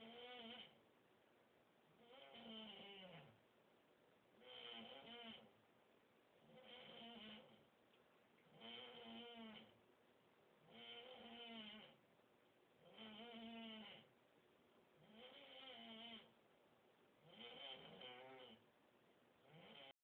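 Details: Male roommate's loud snoring recorded on a cell phone through his closed door: regular buzzing, vibrating in-breath snores, about 28 a minute, likened to a cat being choked.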